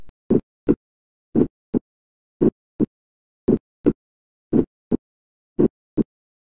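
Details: Teaching recording: clean, slow heartbeat near 56 a minute with S1 broadened into two close parts (M1, T1), described as normal in young adults and best heard in the tricuspid area: split first heart sound.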